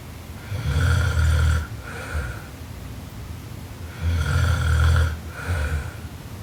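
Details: A sleeping Japanese girl snoring very loudly: rattling snores on the in-breath, about two breaths in six seconds, each followed by a shorter snort; heavy snoring.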